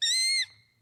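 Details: Child with Tourette syndrome producing a loud screeching vocal tic; vocal tic (screech) in Tourette syndrome.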